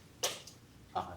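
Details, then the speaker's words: Two sharp plastic clicks as a Spiromax dry powder inhaler is opened, signalling the dose is ready; shown by a GP to an adult chronic asthma patient with worsening breathing. "and basically all you have to do is open it and it clicks when it clicks it's ready ready okay"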